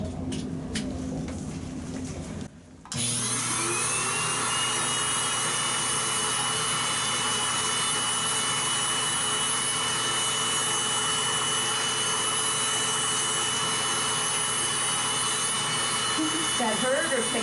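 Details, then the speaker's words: Steady high-pitched motor whine of a rotary podiatry grinder running continuously, smoothing a toenail during routine preventive foot care, with a brief pause near the start. "i now tell patients to use those things that those types of things when the skin is dry instead of wet let's just smooth that out a little bit"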